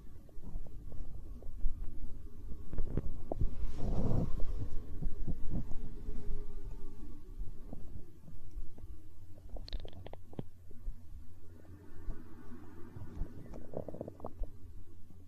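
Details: Hunger stomach growling recorded for ASMR: low rumbling and gurgling with brief bubbly pops from gas and fluid moving through the gut (borborygmi).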